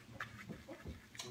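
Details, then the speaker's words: Sleeping pet dog on a sofa makes quiet snorting, grunting sounds with faint squeaks; owner thinks she is having a nightmare; snoring. "Y'all hear my dog over there? She apparently is having a nightmare. And she was snoring pretty good."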